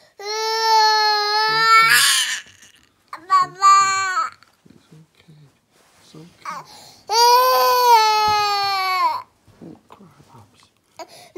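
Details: Baby boy crying at bedtime while waiting for his bottle of milk: long, loud, tonal wails separated by short catching breaths and quieter sobs.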